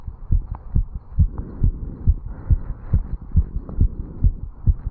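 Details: Rapid, regular heartbeat at about 140 a minute, recorded at the mitral area in a 35-year-old male after jogging up stairs; normal fast rate from exercise.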